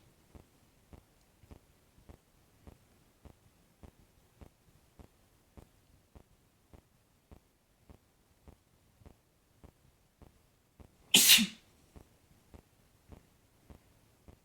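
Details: A single short, sharp sneeze burst from an adult man in a quiet room with steady soft ticking in the background.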